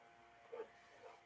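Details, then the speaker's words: Simulated pleural friction rub in a pleural effusion lecture, likened to rubbing leather with each breath: two brief creaking, rubbing sounds imitating the rub. "al frote de un de un cuero de un vehículo más o menos así suena cada vez que el paciente respira suena como si estuviésemos frotando un eh un cuero es un frote pleural"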